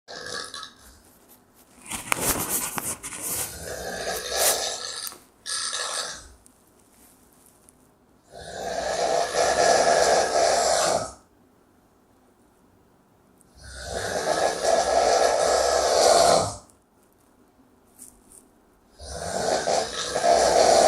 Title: The sound of snoring no 1 in Indonesia ( mendengkur alias ngorok )